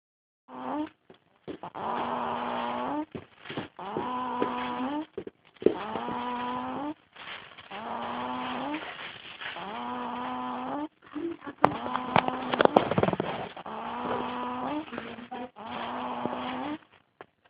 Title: Baby snoring super loud!